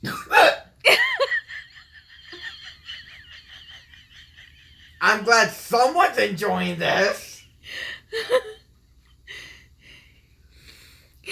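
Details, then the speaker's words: Son with hiccups gets wheezy while laughing, later described as an asthma attack, saying he can't breathe: sharp hiccup-like gasps, then a high, whistling, wheezy breath, followed by laughter and talk. "hey are you done i mean your your wheezing is kinda it's funny and nobody has ever died from having hiccups"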